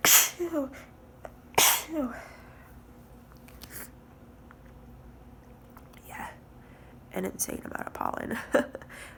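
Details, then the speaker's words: Ongoing allergic sneezing fit attributed to heavy pollen, sneezes muffled into a hankie held tight over the face: repeated forceful sneezes with sharp inhaled gasps and sniffing between them. "Oh they're ruffled into the hankie that's why they sound quiet cuz it's late much don't sleep"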